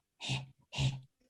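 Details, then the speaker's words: Adult imitating the Dunstan Baby Language 'heh' cry: three short panting 'heh' sounds, like a dog panting, signalling skin discomfort such as a wet or dirty nappy, being too hot or too cold, or uncomfortable positioning. "h sound focus on focus on is when the skin is irritated so that could be when the um nappy needs changing because it's wet or pooy or the um baby's too hot or too cold they might be just uncomfortable where they lying so the skin is irritated and this sound is like it's similar to when a dog us panting so it's h eh so"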